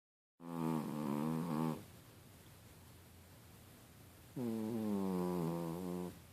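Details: Sound-asleep cat snoring loudly like a pig: vibrating, pig-like snores in two long cycles with a quiet pause between.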